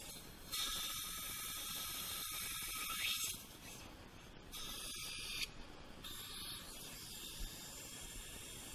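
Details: High hissing whine in bursts with irregular clicks and ratcheting of implant motor and instruments during a direct sinus lift with simultaneous dental implant placement.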